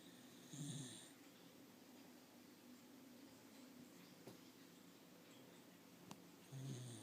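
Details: A sleeping dog with soft snuffling snores at the start and end over quiet room noise; ordinary dog snoring.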